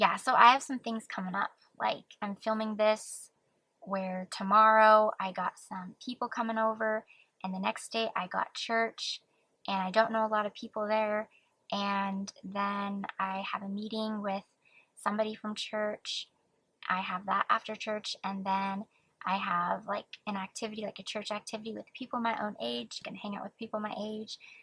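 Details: Stuttering in a woman aged almost 24 who has stuttered since childhood, with repetitions and prolongations; she reports it is now much less noticeable with occasional flare-ups, word avoidance and social anxiety.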